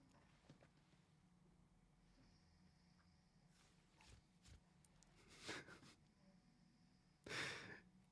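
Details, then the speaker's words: Two noisy, snorting breaths a couple of seconds apart, heard at a distance from an ill adult woman sleeping next to the speaker: snoring. "you can actually hear the snoring now wait can you if you can actually hear the snoring I'll wake her up I don't think it's that loud okay that's quite loud"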